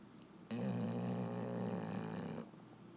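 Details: Sleeping black and tan Labrador snoring, watched by a cat: a single long, low, rumbling snore lasting about two seconds.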